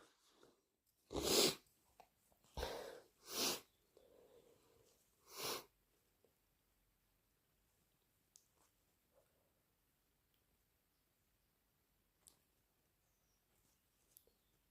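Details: Four loud, explosive induced allergy sneezes in quick succession, followed by quiet sniffing and nose sounds.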